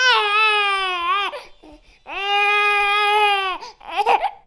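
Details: Ordinary infant crying: two long, high-pitched wailing cries with a brief gasp between, then a shorter sobbing burst.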